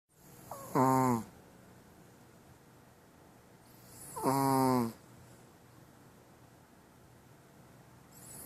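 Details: Female chihuahua asleep: two high, whistling, squeaky snores on the in-breath about three seconds apart, with quiet breathing between; snoring in a small dog.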